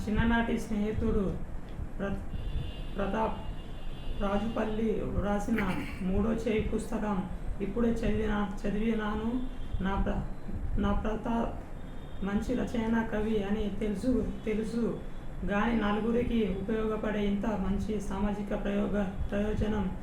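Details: Young male patient reading a passage before voice therapy, with a high-pitched female-type voice, no throat pain and a double voice noted by the therapist; puberphonia with diplophonia.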